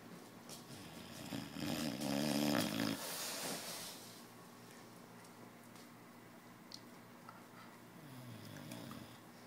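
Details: Puppy asleep in a very strange position, said to snore louder when awake: a rough, buzzing snore rising to a loud peak for a few seconds, then quieter steady breathing noise; snoring.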